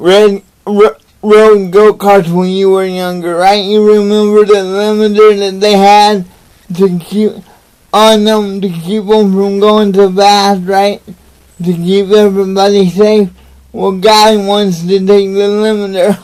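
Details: Adult man with cerebral palsy, motivational speaker, talking to camera; dysarthria (cerebral palsy).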